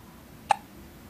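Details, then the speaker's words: Seven-week-old baby girl hiccuping repeatedly despite a wet tissue placed on her forehead to stop the hiccups; infant hiccups. "See, still hiccuping."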